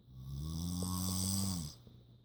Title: Cats Sleeping Through Snoring Mom